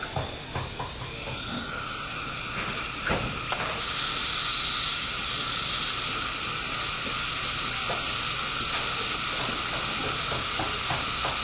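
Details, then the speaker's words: High-speed dental drill with a round bur gives a high-pitched whine over a steady hiss, its pitch wavering as it cuts. This is early drilling in post-and-core removal from a bridge abutment tooth, paused for a radiograph to check depth. "okay now we haven't been drilling all that long and already I'm going to stop because it's time to take a radiograph"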